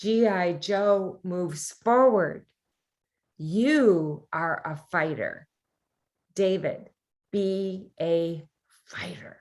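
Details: Aphasia after a brain tumour in a male forum participant, now severely sight impaired; hesitant speech with word-finding pauses.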